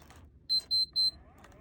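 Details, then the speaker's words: Infinity enteral feeding pump set-up for a young child: three short high-pitched electronic beeps in quick succession, the pump alarming before the feed starts running. "and then last thing your pump will yell at you unless this is unclamped while it's running so let's undo that before our pump gets even more mad"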